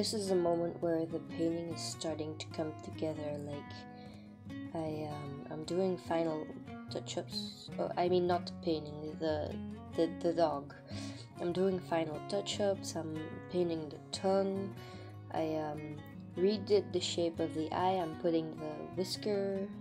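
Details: Stuttering in an adult woman, non-native English speaker; she says it is not usual for her and comes from recording nerves; word and part-word repetitions.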